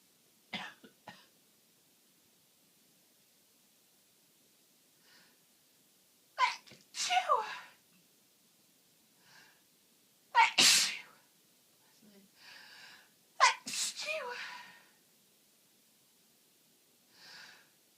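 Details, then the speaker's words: Adult with a cold, itchy and increasingly blocked nose, and watering eyes, sneezing uncontrollably at home: a run of about five sharp sneezes with quick breaths and sniffs between, in a quiet room. "I've actually got tears running down my face from sneezing so much."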